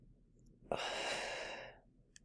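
Imitated breathing: one long, drawn-out breath noise, a quiet pause, then the next breath starting. Apneustic breathing pattern.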